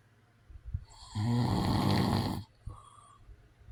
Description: This is a white noise video. It's real sounds of a man snoring.